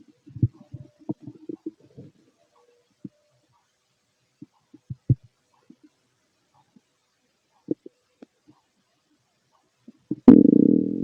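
Scattered gurgles and short pops from the belly, irregular, ending in a louder rumble; bowel sounds of an empty stomach.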